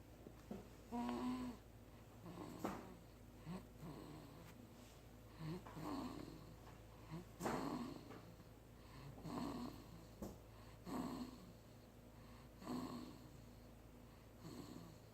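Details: Sleeping cat snoring, recorded July 27, 2016: soft, regular snores at about 18 breaths a minute over a steady low room hum.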